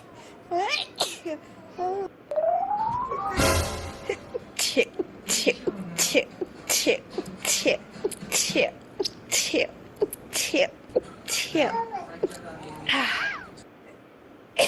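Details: Girl sneezing rapidly: a fast run of about a dozen sharp, hissing sneezes in quick succession, some with short voiced lead-ins.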